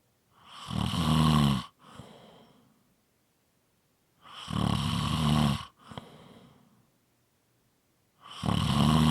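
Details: A sleeping person snoring: loud, rough snores on each breath in with a softer breath out, about 15 breaths a minute in a quiet room.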